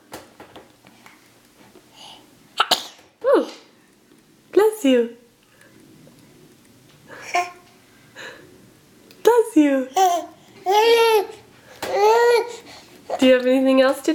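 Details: Sneezing in a young child: a sharp, sudden sneeze amid toddler babbling and vocal sounds, with an adult voice nearby.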